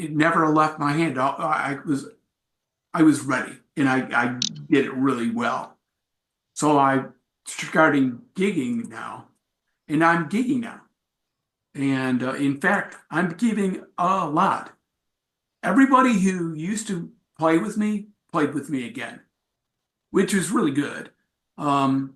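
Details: Adult man with aphasia acquired after a traumatic brain injury from a bike accident without a helmet, followed by about a month in a coma; about four and a half years post injury, presenting at an aphasia support group.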